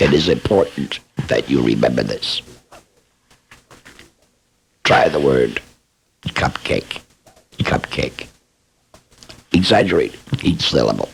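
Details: Esophageal speech by a laryngectomee who is also a speech pathologist, demonstrating esophageal voice production for training after laryngectomy.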